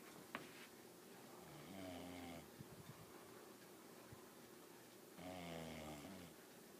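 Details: Sleeping male (the recorder's brother) snoring: two rattling, vibrating inhaled snores about three and a half seconds apart, with quiet breathing between, in a small room.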